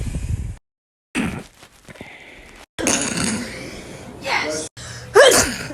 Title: SNEEZING COMPILATION